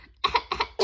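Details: A 7-month-old baby, laughing, makes three quick, light, voiced cough-like bursts: a voluntary, playful pretend cough rather than a true cough.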